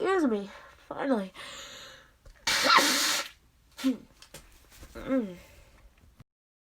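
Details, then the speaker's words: Several allergy sneezes, each with a drawn-out voiced build-up before a sharp burst, then a loud nose-blow; person says blowing the nose triggers more sneezing; repeated allergic sneezing. "oh my gosh sneezing is out of control today oh gosh oh still got more it's ugh i have to sneeze"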